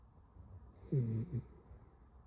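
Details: A sleeping puppy snoring: a single low, rattling, snort-like breath.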